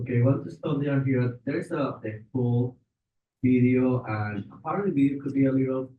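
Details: Adult man speaking; Normal adult speech.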